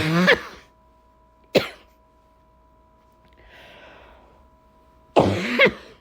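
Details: Adult coughing during a December cold: three harsh cough bursts separated by quiet pauses, with a steady faint background hum.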